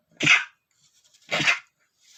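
Two short, muffled bursts of air about a second apart, with the voice held back: stifled sneezes.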